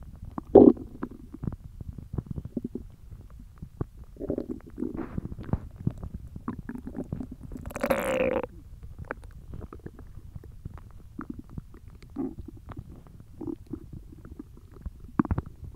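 Low rumbling and gurgling bowel sounds with a louder growl midway; ordinary hunger stomach growling, a normal finding.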